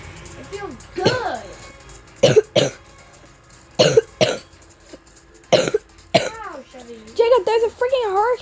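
Several harsh, loose cough bursts, some in pairs, between quiet talk and background music; a wet-sounding cough with a cold.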